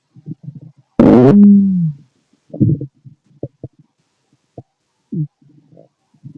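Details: Male stomach noises during digestion: gurgling, squeaky tones and short pops from the belly with one loud rising gurgle; ordinary bowel sounds (borborygmi).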